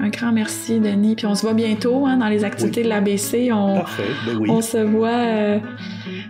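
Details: Adult speaker; Normal speech.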